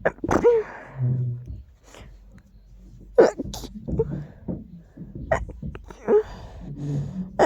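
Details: Itchy sneezes attributed to dust: several short, sharp sneeze bursts with quiet gaps between them and faint room noise; repeated sneezing.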